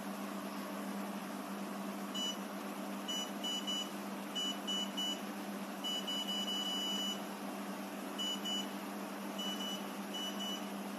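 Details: Bursts of high electronic beeping over a steady machine hum from a fractional CO2 laser in intimate mode, firing at 30 W with 3 rows and 20 scan points during a test on paper.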